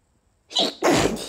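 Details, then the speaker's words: Person with allergies stifling a sneeze on request, a quick intake then a muffled burst of air, saying the tickle won't go away; a held-back allergy sneeze. "Oh, it still itches. Phew. Phew. The tickle is just not going away. I think I have to let them out."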